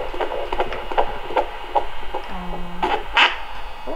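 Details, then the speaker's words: Fast, rhythmic whooshing pulses at about 150 beats a minute on a handheld Doppler at a 15-week pregnancy booking appointment; strong fetal heartbeat found after a little while. "it took a little while but when she found the heartbeat it was strong"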